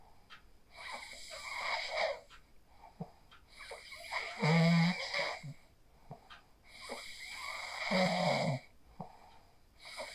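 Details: Phone recording of a sleeper after practicing the 4-7-8 breathing technique: rough, rattling snores on slow breaths, about 17 a minute, with quieter breathing between; snoring during sleep.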